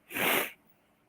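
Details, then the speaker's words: An adult announces "I gotta sneeze" during a live-streamed woodworking session, then sneezes and exclaims afterward: a sneeze. "I gotta sneeze. Bear with me. Oh, diddly."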